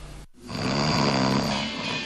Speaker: он мешает жить разрушает семьи и даже может убить обычный храп не так проста как кажется